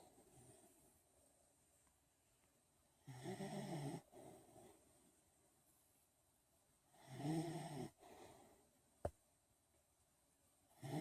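Two loud, rough snores about four seconds apart, with quiet breathing between them; ordinary snoring.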